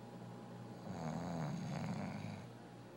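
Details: One of two snoring sisters asleep: a single low, rattling breath drawn in, rising and fading. Snoring.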